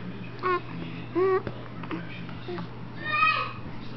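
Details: Infant with hiccups: four or five short, abrupt voiced squeaks in quick succession; hiccups.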